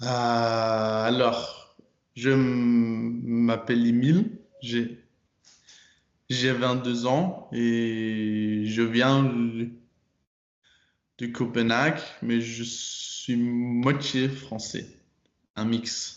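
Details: Stuttering in a 22-year-old man speaking French. It was very strong in childhood, grew more difficult in young adulthood, and he worked on it in a stuttering program.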